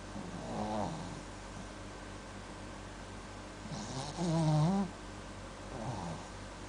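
A sleeping dog gives a few low, rattling snores, one louder and longer than the others, against quiet room noise.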